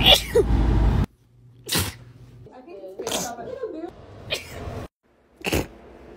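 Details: Several sharp, explosive bursts separated by brief pauses, with some vocal sounds in between; a run of sneezes.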